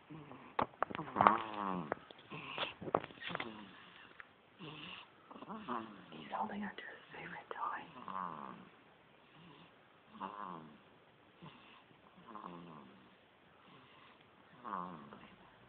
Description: My baby can snore just as load as his dad..